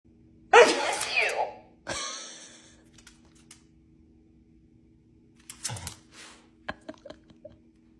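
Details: A father gives a loud, explosive sneeze with a short follow-up sound, and his pomsky dog reacts; then quiet room noise and small rustles.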